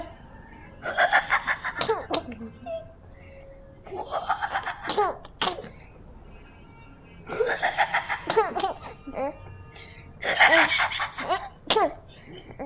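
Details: A child coughs in short, sharp bursts while his 5-month-old infant sister giggles with bright laughter after each cough.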